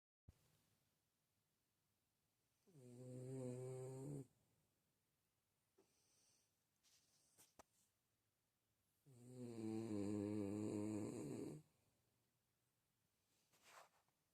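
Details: Tiny, a napping puppy, after Christmas: two long, droning snores about six seconds apart with quiet breathing between, in a small quiet room; ordinary snoring in sleep.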